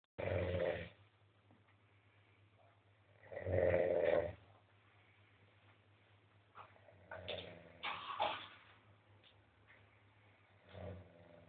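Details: Person snoring: loud, rough snores on the in-breath, about three in eleven seconds, with quieter breathing noises between them; ordinary snoring.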